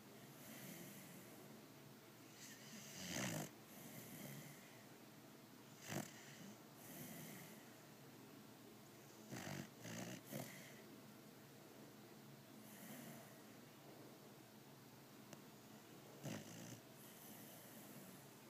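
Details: Pitbull dog snoring loudly enough to wake owner: repeated snorting, rattling snores every few seconds over steady room hiss; dog snoring.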